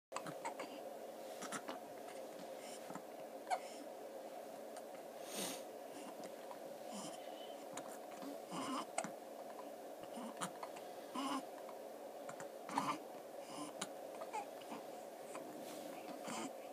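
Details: Month-old twin infants hiccuping at the same time: short, sharp, irregular hiccup sounds over a steady background hum.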